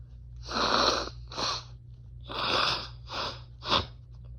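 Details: Person blowing nose and sneezing after a mistake with grass/chhinkni (sneeze-inducing snuff): five forceful, hissing nasal bursts, mostly nose blowing, with a sharper sneeze-like burst at the end.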